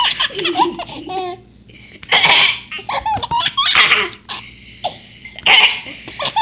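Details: Baby laughing at sister's cough.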